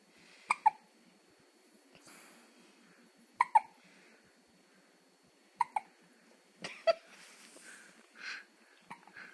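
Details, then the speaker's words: A laughing young girl; sharp, abrupt hiccups, about four in nine seconds, with soft breathy sounds between; hiccups. "has the hiccups."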